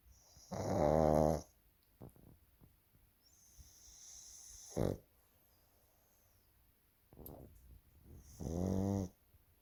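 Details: Sleeping female baby pug snoring: loud, rattling snores on the in-breath with a snort and quiet breathing between, typical flat-faced dog snoring during sleep.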